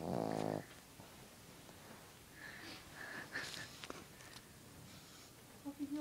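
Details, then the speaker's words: Sleeping dog snoring: one short, vibrating snore at the start, then quiet room noise. "Weird, eh? You never knew that dog snore."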